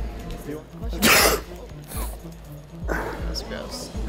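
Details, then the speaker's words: Staged sneeze in a hidden-camera prank: a loud acted sneeze over background music, followed by a smaller throat-clearing sound. "I'm sorry, man. It's just been going around. I think it go mostly got my sleeve, though."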